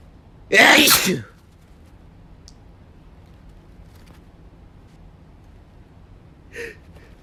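One loud, forceful sneeze in a quiet room, followed by a faint breath or sound a few seconds later.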